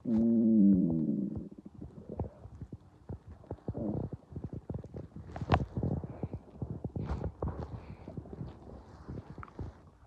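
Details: Person's stomach growling when hungry: a low, drawn-out gurgling growl, then rapid irregular bubbling pops and clicks, normal borborygmi from an empty stomach.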